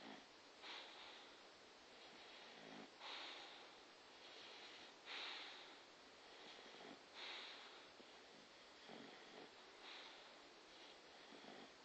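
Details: Snoring during sleep at night: soft, hissing snores and snorts recurring about every two seconds, roughly 29 a minute, in a quiet room.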